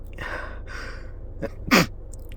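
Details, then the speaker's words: Person with a cold who can't stop sneezing, stifling sneezes: two breathy inhaled gasps, a short catch, then one sharp stifled sneeze; sneezing. "Oh, I can't stop sneezing. Nothing I do helps."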